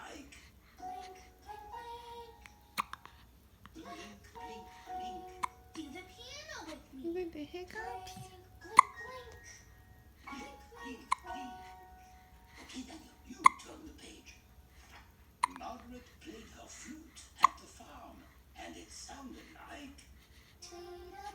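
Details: Hiccups in an 8-day-old newborn: brief sharp hiccup sounds recurring every few seconds beneath an adult reading aloud.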